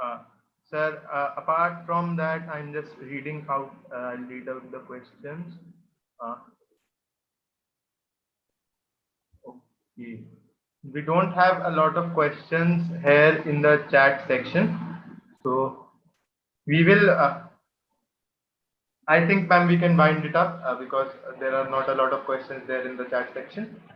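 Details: Adult male speaker; ordinary speech.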